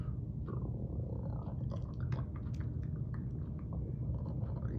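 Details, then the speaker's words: Imitated low rumbling with scattered gurgles and clicks, demonstrating bowel sounds auscultated at the right upper quadrant in a head-to-toe assessment: normal bowel sounds. "like that you know then that's good we got good vowel sounds okay"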